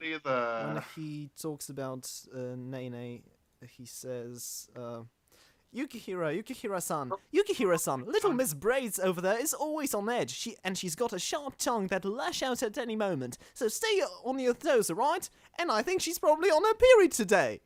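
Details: Stuttering in a male podcast host who calls himself the stammering host.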